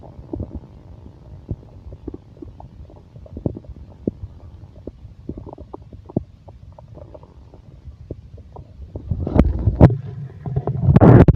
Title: stomach growling and heartbeat